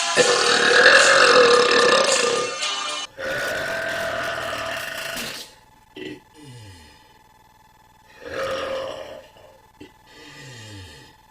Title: burping compilation